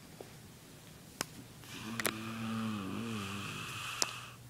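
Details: Person asleep: a single loud, rumbling breath with a buzzing, wavering tone; snoring.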